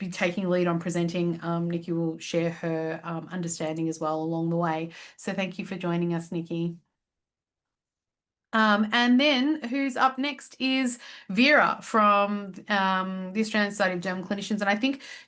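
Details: Adult woman speaking; Normal speech.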